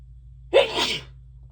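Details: Deliberately induced sneeze, announced aloud beforehand ("so tickly, gonna sneeze"), with watery eyes; a single sharp sneeze with a quick intake and an explosive burst of air.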